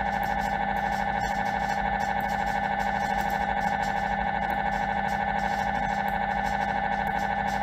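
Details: MRI scanner noise: loud, steady electronic tone with rapid regular pulsing, about 150 pulses a minute.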